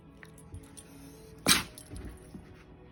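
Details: A puppy, after wrestling play, gives a single short, sharp sneeze through quiet background noise.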